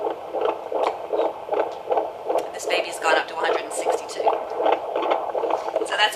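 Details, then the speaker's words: Fetal heart rate acceleration on Doppler: baseline 140–146 bpm rising to fast, regular whooshing around 155–160 per minute after fetal movement is elicited, a reassuring sign of fetal well-being. "one thing that you can do too if there's um mom who's concerned that the baby's not moving around a whole lot you can sometimes get the baby to move while you're listening to the heart rate and you'll actually hear the heart rate"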